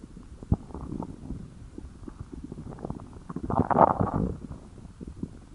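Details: Hunger-related stomach growling (borborygmi): low gurgling and rumbling bowel sounds with a louder growl near the end.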